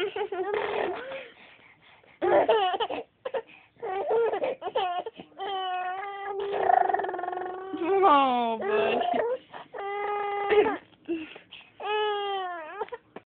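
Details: Baby boy who is really upset, crying with long rising and falling wails that sound like a droning airplane engine, broken by short fussing sounds; infant cry.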